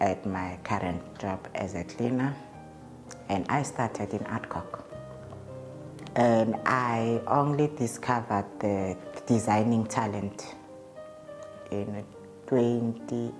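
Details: Adult man's real interview speech; he states he stutters, present since at least grade five (2005), when it caused low self-esteem; stuttering.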